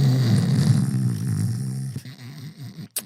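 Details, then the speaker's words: An adult imitates nasal snoring, snoring through the nose: a low, rattling, buzzy sound fading into softer snorts. "Some people snore through their noses."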